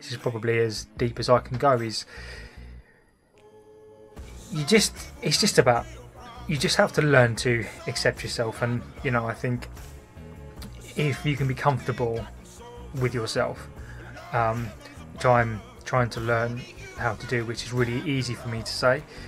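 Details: Stammering in an adult man who says he hid his stammer for about 40 years.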